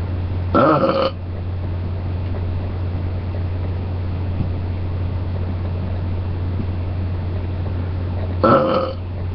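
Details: Shirtless person with face covered burping: two loud, voiced belches about eight seconds apart over a steady, low, engine-like hum.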